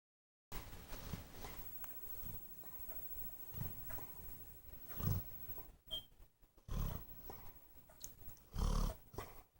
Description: My Dog Bear, snores so funny.